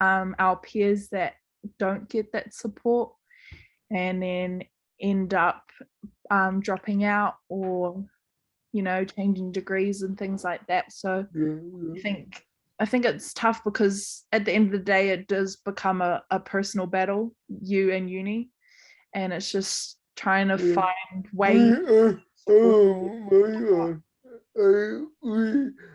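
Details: Adult woman; typical speech.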